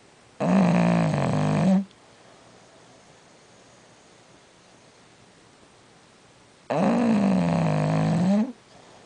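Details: Jack, a bulldog, snoring during a mid-morning nap; loud rumbling, groaning snores, two long breaths about six seconds apart with quiet between.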